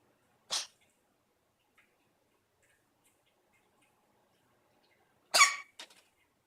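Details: Dog named Lemy gives two short, sharp, airy coughs several seconds apart in a quiet room, coughing a bit this morning; owner hopes it's nothing bad.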